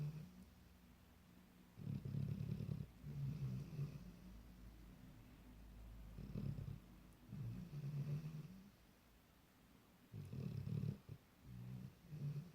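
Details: Snoring in a sleeping 10-month-old Labrador puppy: three loud, low, rumbling snores about four seconds apart, with quiet breathing between them.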